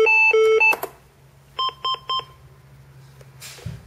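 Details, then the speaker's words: LIFEPAK 12 defibrillator demonstration, simulated patient: loud two-tone alert then three quick beeps as a synchronized shock at 100 joules is delivered, soft hum after; charging and shocking with stand-clear commands, rhythm converted to heart rate 69. "everybody stand clear charging okay stand clear shocking"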